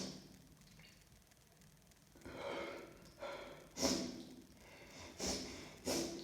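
Several forceful nasal snorts and sniffs at uneven intervals, with noisy breathing through the nose.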